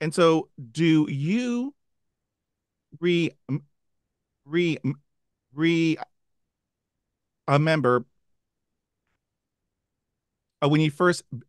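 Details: Adult man who stutters, with sound repetitions heard before a word; stuttering.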